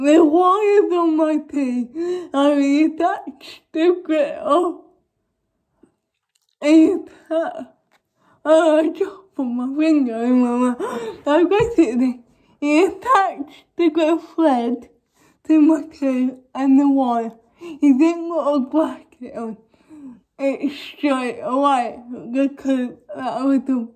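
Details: Young woman with cerebral palsy causing involuntary movements, now wearing braces on her top and bottom teeth; dysarthria in cerebral palsy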